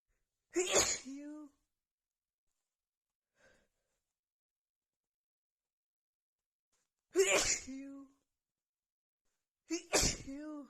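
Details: Three forceful sneezes with brief inhaled build-ups, spaced several seconds apart in a quiet room, after feeling sneezy all day; a rapid repeated sneezing fit.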